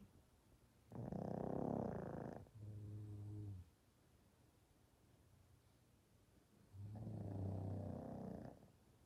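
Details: A little dog and a child snoring and taking turns, alternating their snoring pattern.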